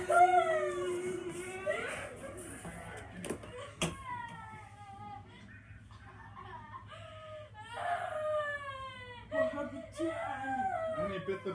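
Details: A child crying in repeated wailing bursts, with catching breaths and pauses between, in a small room; crying.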